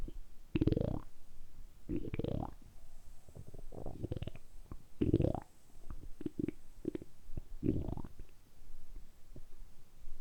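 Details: Stomach rumbling (borborygmi): deep, repeated gurgling belly rumbles recorded close up, deliberately produced during about ten minutes of continuous rumbling for an ASMR recording; ordinary bowel sounds.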